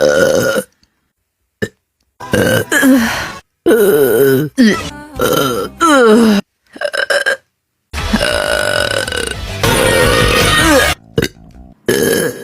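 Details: Hiccup burps: repeated voiced croaking burps in short bursts with pauses, some long and drawn out, over faint background sound.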